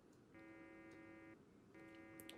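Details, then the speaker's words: Demo of a prototype hands-free, neck-worn electrolarynx, activated when its sensors deviate too far from the original position, with pitch and volume adjustable by potentiometers: two steady mechanical buzzes from the motor, the artificial voice source. "alright so here is a demo of the volume and pitch of the motor when the sensors are deviate too far from the original position it activates the"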